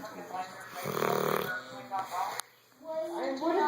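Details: 8-month-old English Mastiff snoring while napping on a couch against a person: low, rumbling, fluttering breaths with one louder rasping snore.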